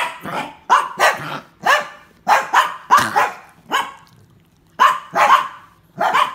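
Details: Dog named Reese coughing: a run of about ten harsh, forceful coughs in quick clusters with brief pauses; cough.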